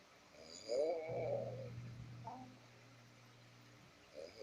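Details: A dad snoring: a low, rough snoring breath with a steady hum, then a quiet pause before the next breath.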